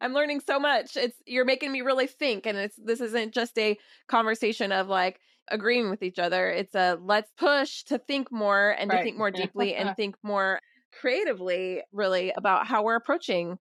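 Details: Adult woman speaking; normal speech.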